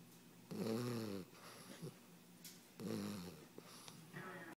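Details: 16-week-old sleeping on owner's lap: two rattling, throaty inspiratory snores with quieter breathing between, about 27 a minute; snoring.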